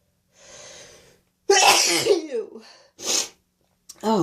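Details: Single sneeze after blowing the nose, with a runny nose that night: a quick inward breath, then one loud explosive sneeze with a trailing voiced release, then a short breath and speech.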